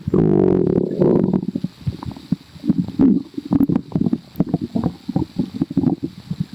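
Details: Loud low gurgling and bubbling with a drawn-out rumble, then rapid popping gurgles; active, normal bowel sounds, stomach growling (borborygmi).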